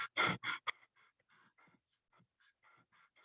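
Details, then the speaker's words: Biot respiration demonstration from respiratory-centre injury: a cluster of quick, deep breaths breaking off abruptly into faint, irregular breathing, restarting on strong blood carbon dioxide stimulus. "pero en caso de sufrir una lesión el centro respiratorio será inhibido y solo comenzará a funcionar nuevamente en caso de un fuerte estímulo y este estímulo serán los fuertes niveles de dióxido de carbono en sangre"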